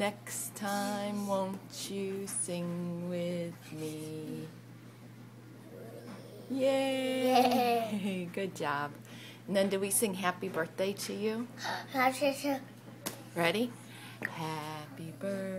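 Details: Adult woman; typical adult speech.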